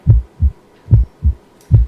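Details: Normal heart sounds heard with the stethoscope bell during a student clinical-skills auscultation exam: clear, regular lub-dub, no murmur between beats.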